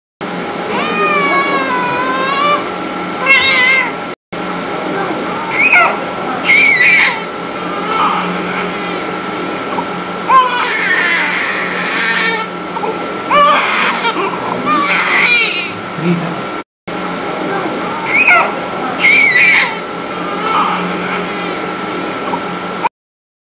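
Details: Infant with laryngomalacia: high-pitched, wavering squeaky noises with breaths, inspiratory stridor.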